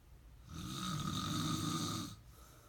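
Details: Man snoring during sleep: a single long, rough, vibrating snore lasting about a second and a half; snoring.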